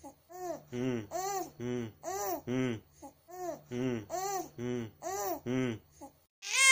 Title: Lil baby cry 😭 #baby #babygirl #shortsvideo